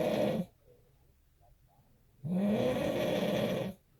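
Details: Two loud, rough snores with a quiet pause between them from a sleeping father, heard while his newborn baby listens: snoring.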